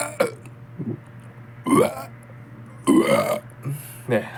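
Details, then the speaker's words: Burping after drinking cola: several loud, deep, croaking belches in a row, with short pauses between them. "오늘은 재미난 거 해보도록 할게요 콜라 트름 권법 라디오 트름이 나올 때까지 기다립니다네 아주 큰 트름이"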